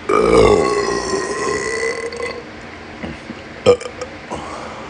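A long, loud, drawn-out voiced belch lasting about two seconds, then a few small noises in a quiet room. Burping.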